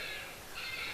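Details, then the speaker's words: Simulated newborn cry from an infant simulator right after a simulated delivery: two brief, harsh, high-pitched cry bursts. "So everything can be seen beautifully. You can hear the baby's cry also, baby is crying. So baby is delivered."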